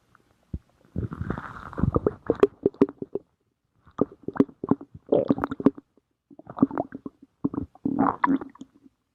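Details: Stomach growling: bursts of gurgling, bubbling rumbles in several runs separated by quiet gaps, from gas and fluid moving through the gut; borborygmi.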